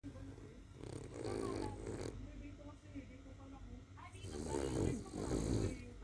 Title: Snoring senior king cavalier dog coco baby